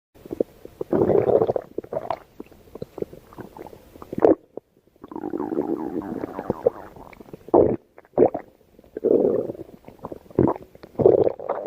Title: stomach growling